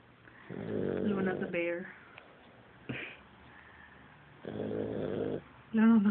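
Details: Sleeping Boxer dog with two rough, rattling snores, very loud, with people talking over them; snoring.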